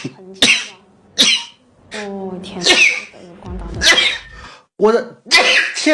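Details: Several quick, sharp sneeze-like bursts in rapid succession with brief voiced sounds between them, from a Chinese VTuber; repeated sneezing.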